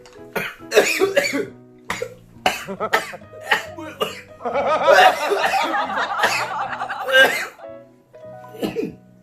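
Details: Repeated coughing bursts with laughter and background music while eating very spicy jjamppong ramen with chili oil and Cheongyang peppers; irritated throat coughs from the spice.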